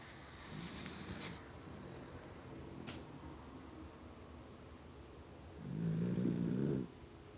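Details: Sleeping pet, possibly named Max, making quiet snuffling breaths and then one louder buzzing snore in a small room; ordinary snoring.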